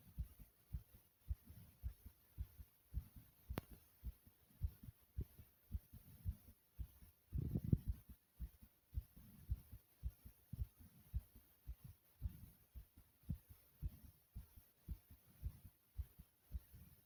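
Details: Rapid, strong, low heartbeat thumps at roughly 110 per minute, racing after exercise, with breathing sounds also present; a fast heartbeat after exercise.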